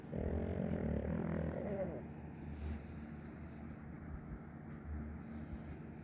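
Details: A sleeping dog makes low, rumbling, throaty breaths with a louder snore at the start, over room noise; snoring.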